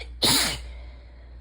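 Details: Sneezing fit during ragweed season with a suddenly sensitive, itchy nose, rain audible in the background: a single sharp, loud sneeze over a low steady hum; ordinary sneeze.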